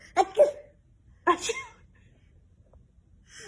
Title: Baby sneeze Learn